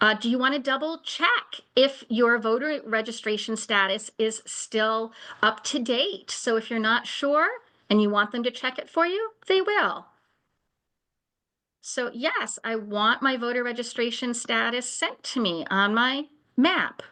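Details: Adult woman speaking; ordinary speech.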